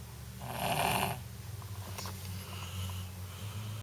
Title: GSON SNORE